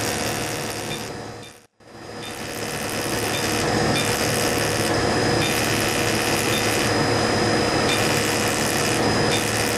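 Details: Loud, steady mechanical hum with rapid regular pulsing and a brief pause as a fractional CO2 laser fires, double-passing over the cheek during facial skin resurfacing for acne scars.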